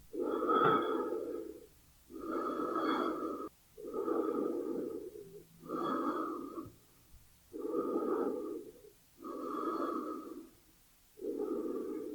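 Slow, even breath sounds, about 33 breaths a minute counting inhales and exhales separately, roughly 16 full cycles; a sound-effect recording of ordinary breathing.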